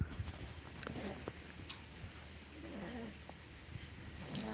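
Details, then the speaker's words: Sleeping dog with a slight wheeze: quiet snuffly breaths with faint whistling, wheezy tones; dogs tend not to breathe through the mouth while asleep. "So you can hear Daisy wheezing a little bit now. The problem seems is dogs don't really want to breathe out of their mouth while they're sleeping."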